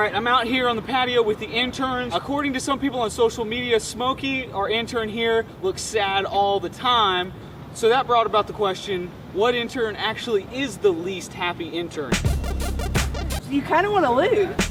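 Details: Adult man speaking outdoors; ordinary speech.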